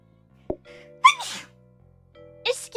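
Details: One sharp sneeze after a quick intake of breath, with music underneath, during an in-person VTuber watchalong stream with FuwaMoco and Nerissa; sneezing.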